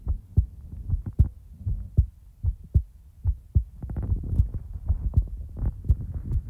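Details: Real-time heartbeat ASMR recording: soft, deep paired thumps repeating steadily at about 75 a minute over a faint low hum, a regular, normal heartbeat.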